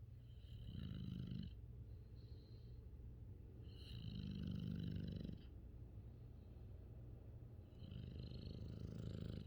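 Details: English Bulldog/Shar Pei mix, female, asleep: low, rumbling snores on each breath, about three in ten seconds; ordinary snoring strong enough to feel the vibration.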